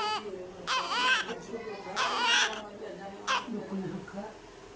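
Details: Newborn baby girl immediately after birth: short, high-pitched cries in bursts in a small room, a normal newborn cry.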